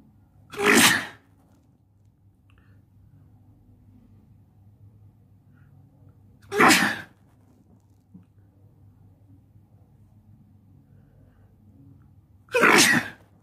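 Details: Person sitting on a bed, nose tickling: three sharp explosive sneezes about six seconds apart in a quiet room.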